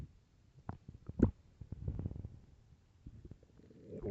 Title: Very hungry stomach growls and groans